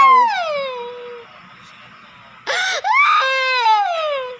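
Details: Infant crying: long, falling wails with a clear voice, a brief pause, then a sharp renewed outburst.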